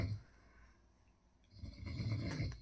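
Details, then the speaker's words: Man snoring very loudly while asleep at 11 pm: loud, rough, low-pitched rumbling breaths with quiet pauses between them, in a small room. "इनके मामा ले रहे हैं खर्राटे बहुत तेज।"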